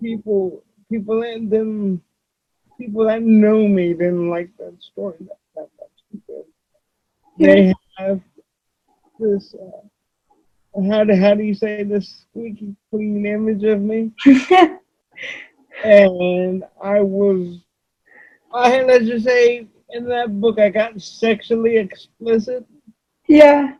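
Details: Adult male with cerebral palsy; dysarthria (cerebral palsy).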